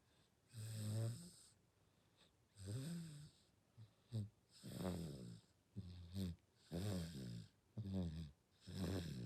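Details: Six-month-old baby (day 194) snoring while asleep: soft, rhythmic snoring with each breath, about 30 breaths a minute, normal infant snoring.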